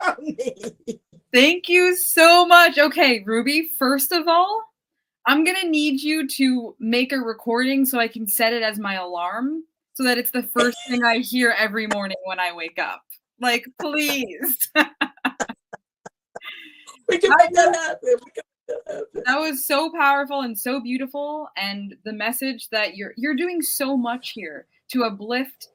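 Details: Adult woman speaking; normal speech.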